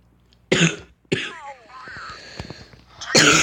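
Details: Two short, harsh cough bursts from an adult, separated by a brief pause, during gameplay with faint game sounds in the background.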